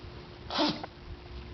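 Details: Pug sneezes when the space between his face and nose is rubbed: a single short snorting sneeze over steady room hum; sneezing.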